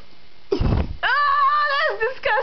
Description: two best friends burpin away